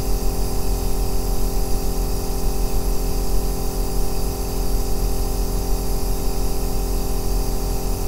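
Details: Aerosol nebulizer running continuously: a steady, loud, deep droning hum with a hiss, unchanging throughout, offered as white noise for sleep.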